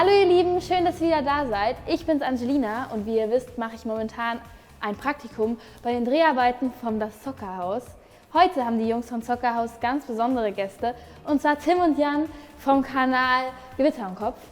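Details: Adult woman speaking German; none.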